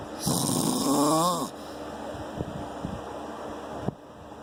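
One loud, rattling snore on the in-breath, then quieter breathing with a few soft clicks. Ordinary snoring.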